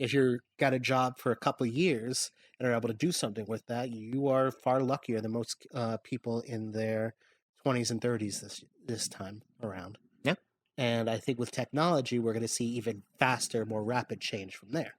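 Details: Adult male speaker; normal speech.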